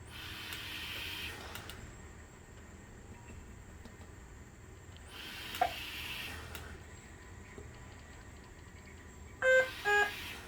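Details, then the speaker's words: BiPAP low minute volume alarm: ventilator airflow swells, then a short run of tonal alarm beeps. "If you oversedate your patient and they stop breathing, you might get a low minute volume alarm, and it would show up as the little VE, low minute volume, or low tidal volume."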